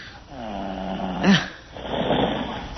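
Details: Loud, rattling snoring from a sleeping adult man after an attempt at hypnosis, heard over a phone line, possibly sitting in a chair: a drawn-out buzzing inhale and a rough exhale.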